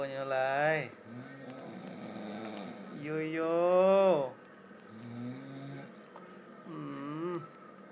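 Loud, droning, voiced snores alternate with softer breaths at about 18 a minute. Snoring, with faint music in the background.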